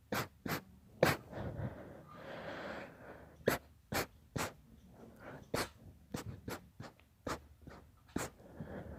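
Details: About a dozen soft, short, sharp sneezes and snorts in quick succession; repeated mild sneezing.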